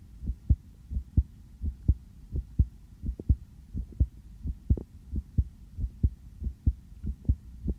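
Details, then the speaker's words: Adult's own heartbeat through a sensitive stethoscope, steady paired lub-dub at about 86 a minute, clear and regular, possibly slightly fast after just coming in from outside; recorded for ASMR; normal heart sounds. "제가 방금 밖에 나갔다 와가지고 심장이 조금 빨리 뛸 수도 있어요. 저도 제 심장 소리를 이렇게 크게 듣는 건 처음이네요. 왜 이렇게 빨리 뛰지?"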